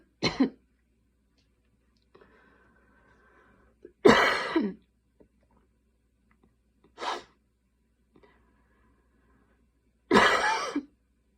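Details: Night coughing fit at 12:30 am while unable to fall asleep: four separate coughs of varying strength with quiet gaps and faint breathing between, in a quiet room.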